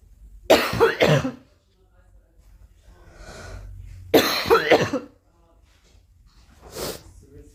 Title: Girl Coughing 359